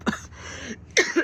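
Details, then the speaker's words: Adult with chest congestion, coughing: two short, harsh cough bursts about a second apart with a loose, rattly edge; wet cough. "Yeah, I know y'all can hear me every time I cough. You could hear the congestion, so."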